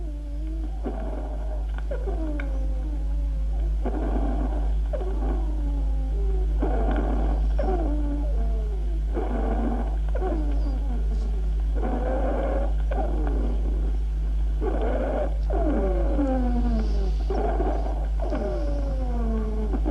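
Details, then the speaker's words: Teaching recording during an asthma attack: musical, squeaky whistling tones of several pitches recurring with each breath, diffuse polyphonic wheezes. "escuchemos los juntos en una crisis de alma"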